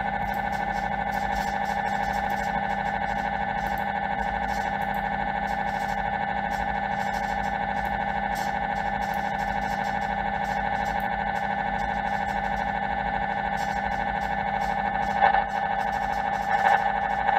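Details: Loud, steady, droning buzz with fine rapid pulsing and a few brief clicks: an MRI scanner running during a scan.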